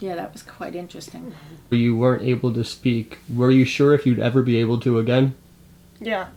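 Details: Adult male interviewer; typical speech.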